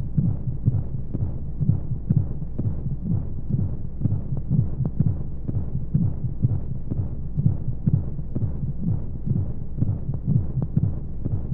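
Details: Baby sleep-aid womb sound: a muffled, steady heartbeat at a regular rate under soft, monotonous whooshing flow sounds and white noise, like a heartbeat heard from inside the womb.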